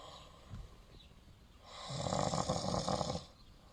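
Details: Sleeping man snoring: one long, rough, fluttering snore on inspiration, with quieter breathing before it.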